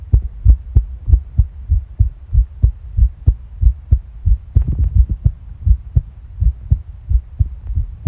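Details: Stomach and heart sounds recorded together: steady, deep heartbeat thumps at roughly 94 a minute, mixed with soft gurgling bowel sounds.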